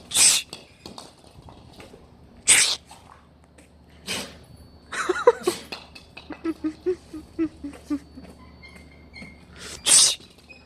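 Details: A pet sneezing: five short, sharp sneezes from a small animal, with soft squeaks and sniffles between them.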